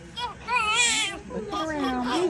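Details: Baby boy just born, delivered face down: short bursts of high, wavering crying; a normal, vigorous newborn cry.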